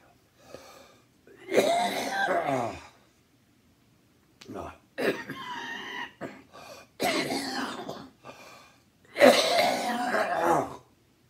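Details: An adult who is sick, has lost their voice and sleeps poorly, and has taken a NyQuil-like liquid without relief, gives several harsh, voiced bursts separated by pauses, with a brief spoken interjection among them: a bout of coughing.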